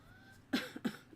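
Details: Adult crafter gives two short coughs in quick succession in a quiet room, then remarks "I'm wheezing"; a plain cough with no wheeze evident in the clip.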